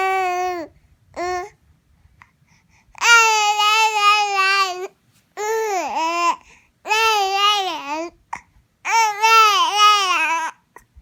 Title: Mad talking baby with hiccups